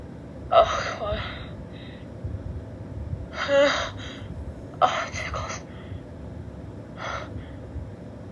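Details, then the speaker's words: Woman with a stuffed-up nose having stuck sneezes: several sharp, irregular inward gasps, like a sneeze building, that never release, with steady room hum; gasping. "Oh, come on. Oh, I want to sneeze. Oh, there we go. Oh, I still feel it."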